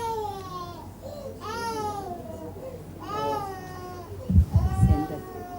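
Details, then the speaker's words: Young child with Down syndrome crying in repeated bouts with a harsh noisy inspiratory edge, silent when quiet; inspiratory stridor from laryngomalacia, possibly with laryngopharyngeal reflux. "when he was quiet there was no noise but when he started crying he had that noise so what is that is it common with Downs the laryngomalacia is common"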